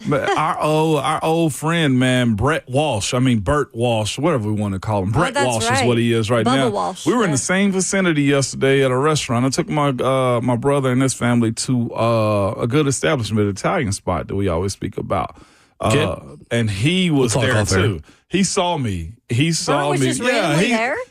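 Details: Adult male speaker; Normal voice.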